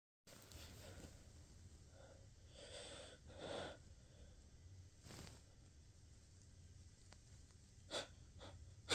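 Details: Pepper-induced sneezing: several loud, forceful sneezes with breathy intakes between, against steady low room noise.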